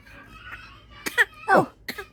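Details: A young girl gives a few short, deliberate fake coughs, an imitated cough rather than an illness cough.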